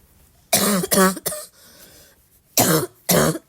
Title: I hope you like barking cough because I have a lot to offer :)